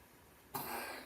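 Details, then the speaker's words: A dog (Snickers) coughs once, a single harsh, noisy burst from across a small room after a brief quiet stretch. "can probably hear Snickers coughing back there."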